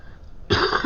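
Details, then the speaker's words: A single loud, low-pitched cough, described as pretty deep, bursts out after half a second of quiet room noise. "Just what may, and you can hear the cough, is pretty deep."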